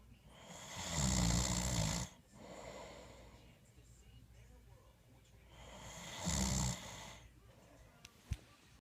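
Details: Two loud, rough snores on the in-breath with breathy out-breaths between, about every five seconds; plain snoring.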